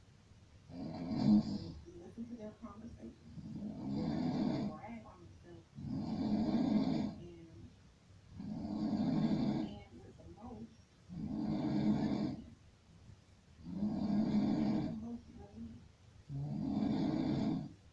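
Steady, rattling snores repeat about every two and a half seconds, roughly 23 breaths a minute.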